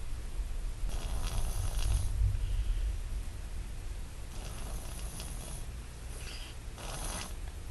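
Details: An infant snoring during sleep: soft, noisy breathing in repeated rasping bursts over a low background rumble.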